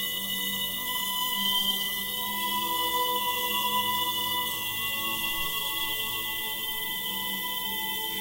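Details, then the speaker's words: Simulated notched sound therapy for tinnitus: classical music with the 2 kHz band filtered out (no white noise added) and a tinnitus tone playing continuously; the music sounds less full, and the rough filter cut may sound slightly noisy. "2khz 영역을 잘라낸 겁니다 그러니까 아무래도 어 주파수 영역으로 봤을 때 좀 주파수가 빠진 음악을 듣는 거니까 조금 풍성한 느낌이 좀 덜합니다"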